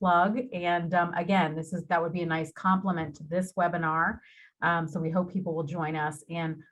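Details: Adult woman speaking; Normal speech.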